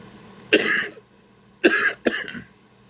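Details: Adult with emphysema, chest congestion, panic attacks and shallow breathing: three short, harsh cough bursts with a rough, throat-clearing quality, a congested chest cough.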